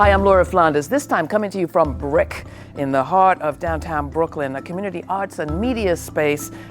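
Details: Adult woman; Normal speech.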